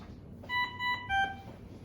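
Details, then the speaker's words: Dräger Savina 300 ventilator running its start-up device check before NIV or intubation: three clear electronic tones, two higher then one lower, as the alarm is tested. "Device check kayak tadi, ini untuk ngecek alarmnya dia. Nah, kayak gini."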